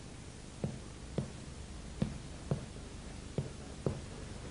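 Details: Dullness on percussion.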